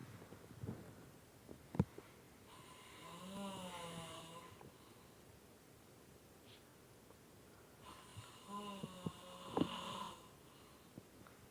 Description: My dad falling asleep in his chair again and annoying everyone. I wonder if it is only my dad who does this or not?